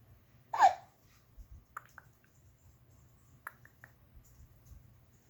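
A single sharp, brief vocal hiccup followed by quiet room sounds and faint clicks; one hiccup heard.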